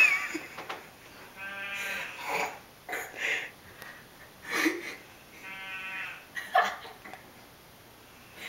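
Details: Father snoring loudly in sleep, likened to a sheep; loud, wavering, bleat-like snores on the breaths in, alternating with quieter snorts, in a small room.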